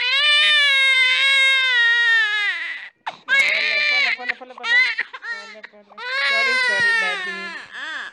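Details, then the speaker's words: Six-week-old baby boy crying at a hospital after his six-week vaccination injection: loud, strong, high-pitched crying in long bursts with brief gasps between; he cried less than his mother expected. "we are done and the bee has cried but not so much"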